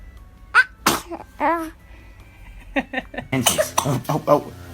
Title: The baby sneezes👶😍😍#baby #sneezes #funny #funnyvideos